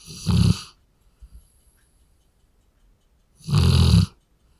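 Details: Large dog (Labrador) snoring, clip repeated several times; snoring.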